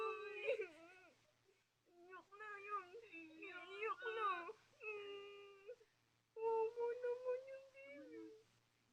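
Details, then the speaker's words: Baby crying: whimpering, fussy infant cry in short bursts with rising and falling pitch, in a quiet room. "Uy iyak na baby na yan. Iyak na yan."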